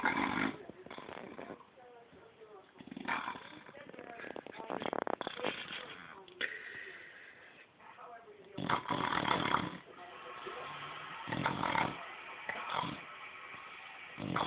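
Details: A 6-month-old female Shar Pei asleep on the couch, snoring: irregular rattling, snorting breath noises repeated through sleep.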